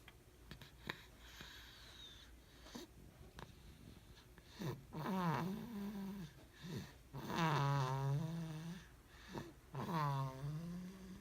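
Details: Person snoring in sleep in a quiet room: low rumbling and whistling breaths with pitched snoring tones on several breaths.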